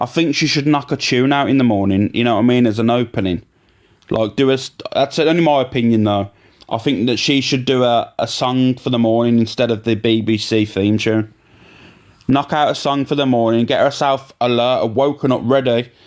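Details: Adult man speaking; normal speech.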